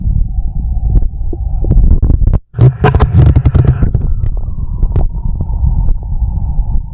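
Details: Low rumbling and gurgling from the belly, with a loud gurgle midway and a steady low hum throughout, recorded alongside a heartbeat: ordinary stomach growling (bowel sounds, borborygmi).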